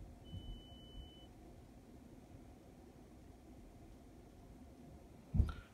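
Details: Resonance r36m PT middle ear analyzer running a manual ipsilateral acoustic reflex test on the left ear: steady high-pitched test tone for about a second, then quiet room noise.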